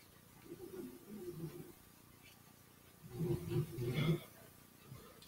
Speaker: don't know if you can hear my dog snoring again. That tells me he's in a deep sleep right now.